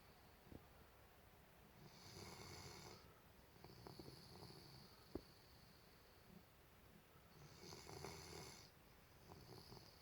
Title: Golden retriever snore.